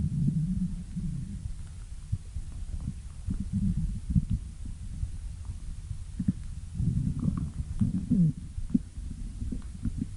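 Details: Stomach growling (borborygmi): low, irregular rumbling and gurgling with faint squeaky rising tones.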